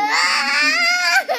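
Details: A brief, high-pitched wail from a young child; ordinary infant crying.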